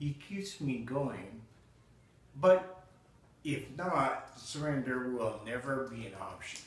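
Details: Adult man with spinocerebellar ataxia type 8, a rare hereditary cerebellar degeneration affecting balance, speech and muscle control, slowly progressing with no treatment available; ataxic dysarthria.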